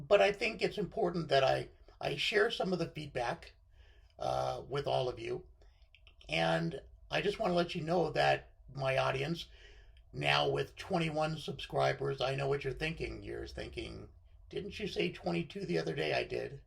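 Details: Adult man with left-sided unilateral vocal cord paralysis after surgery (partial left lung lobectomy); reduced voice control, with pitch jumping from very high to baritone and sometimes a scratchy voice; recognised by a thoracic surgeon from his voice.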